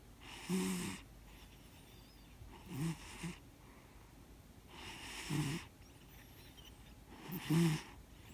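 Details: Rhythmic rattling snores from a sleeping 13-year-old large-built male cat, about every two and a half seconds, roughly 25 a minute, with quiet pauses between.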